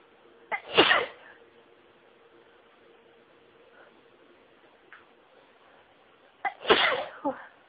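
Two sneezes separated by about six seconds of quiet, each with a sharp intake and a burst of air, somewhat held back.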